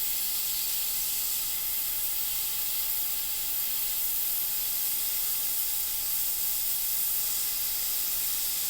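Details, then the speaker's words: Aquacare air abrasion unit finishing a cavity preparation after spoon excavation of decay, automatically placing the enamel bevel, with rubber dam and adjacent teeth protected: a steady loud hiss of dental air abrasion. "We'll follow up with a finish with the air abrasion. The bevel for the enamel is automatically placed."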